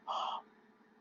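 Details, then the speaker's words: Cavernous breath sound (soplo cavernoso): a brief hollow, resonant blowing breath imitated by mouth, produced when airflow enters a clean cavity, likened to blowing across the mouth of a bottle. "eso se llama un soplo de tipo cavernoso el soplo como llama el soplo cuando entra en una cavidad limpia"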